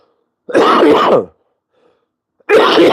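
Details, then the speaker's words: Adult, humidifiers running, gives two loud, harsh, loose coughs in a quiet room; described as an active cough with the phlegm broken up; productive cough. "it's it's moving though it's did you hear that it's an active cough so we're in much better space the Flem is broken up"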